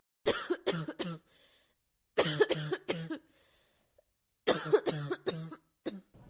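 Repeated bouts of three or four short, sharp, harsh coughs with no rattle or wet sound: a dry, hacking, non-productive cough.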